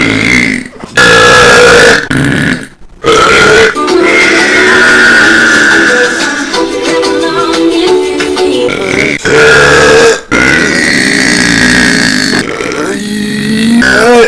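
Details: Adult male YouTuber deliberately burping for a minute: loud, drawn-out voiced belches with short gaps over background music, in a heavily amplified recording; repeated burping.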